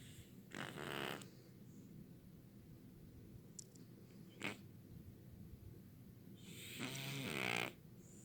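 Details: Person snoring in a quiet room: two rattling, vibrating breath sounds several seconds apart; snoring.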